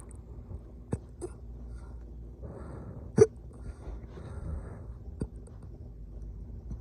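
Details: Brief abrupt hiccups, about four in seven seconds, against quiet room noise; recurring hiccups that started again on waking around 3:47 AM.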